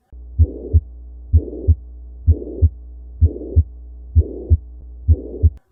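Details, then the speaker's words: Pediatric cardiology teaching example: regular heartbeat near 64 a minute with a steady murmur filling the whole interval between S1 and S2, which can obscure the first sound; holosystolic murmur. "Holosystolic murmurs are heard throughout systole between S1 and S2 and can often actually obscure the beginning of"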